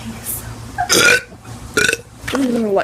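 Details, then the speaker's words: Teenager doing deliberate burps on camera: several loud, croaky voiced belches in quick succession with light room noise; voluntary repeated burping. "i'm gonna be doing teen during burps i don't know but um let's just do it oh god"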